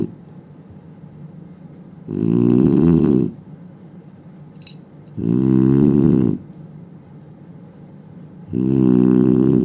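Loud, rattling snores on each breath in, about 20 a minute, with quiet pauses between them.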